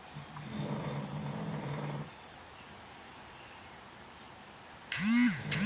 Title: my snoring granddogs.